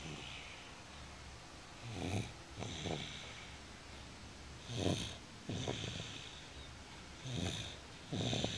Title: Snoring Mufi